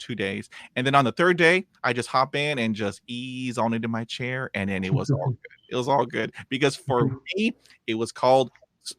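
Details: Adult male podcast speaker who stutters (either the host or a 26-year-old lifelong stutterer guest), with blocks, repetitions and stumbles; stuttering.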